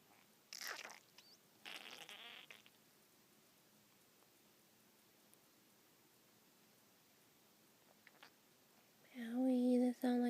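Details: Female pet dog with an upset stomach, possibly from hunger, eating something outside, or a food switch that was too fast; lasted a day: two short bursts of wet gurgling, rumbling borborygmi.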